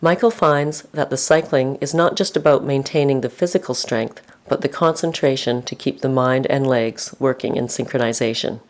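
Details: Adult narrator; normal speech.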